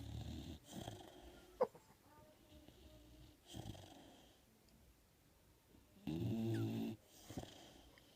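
Rough, low snoring breaths recur through the clip, with soft room noise between them.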